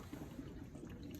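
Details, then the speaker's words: Soft, continuous low burbling of gas through the water column of a bubble CPAP setup for neonates, flow 8 L/min, heated to 37 degrees. "And this is called Cpap, bubble positive airway pressure. It's just a column."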